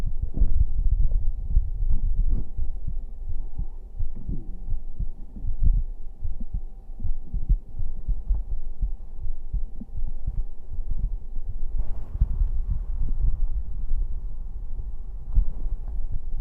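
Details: Man's heartbeat recorded for a bedtime livestream: muffled, steady low thumping heard through the chest, with a faint constant hum in the background; normal heartbeat.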